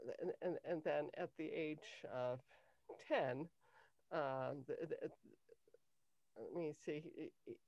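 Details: Adult woman with cluttering since early childhood, diagnosed with a language-area speech problem at age 10 and later identified by her speech therapist as cluttering; trouble organizing thoughts while speaking, needs longer to formulate answers; cluttering.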